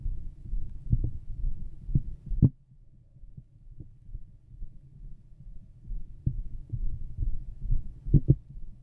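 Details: Own heart and stomach sounds recorded: low, muffled thumps of an adult heartbeat under a steady low rumble, with irregular louder knocks from body noise; heart sounds.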